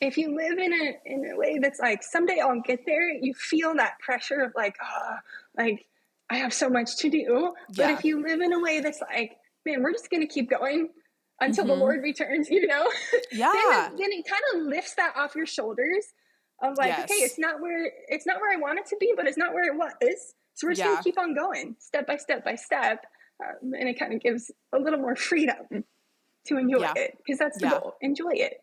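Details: adult woman with spasmodic dysphonia, a vocal cord spasm she describes in her own speech during a podcast interview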